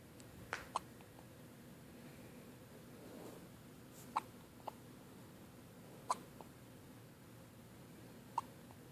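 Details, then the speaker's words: Newborn infant on the first morning home after a good night: six short, sharp, irregularly spaced hiccups against quiet room noise; infant hiccups. "Hey. All right. You got the hiccups?"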